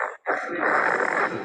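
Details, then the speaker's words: Infant with a feeding disorder who chokes on liquids: a cry with harsh biphasic stridor and a brassy, metallic cough. "El bifásico. ¿Vieron cuando llora cómo tiene esa tos metálica?"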